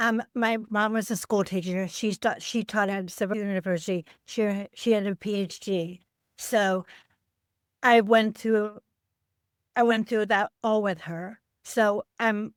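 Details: Adult woman with aphasia after a stroke on Thanksgiving Day 2012, 13 years earlier, affecting word-finding and making speaking harder.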